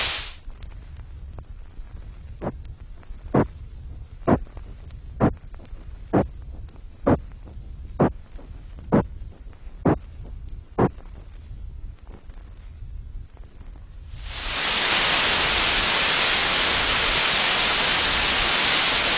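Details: Simulated tinnitus made on an electronic music synthesizer, from 1970s RNID London research, representing the continuous head noise of patients with moderate to very loud tinnitus.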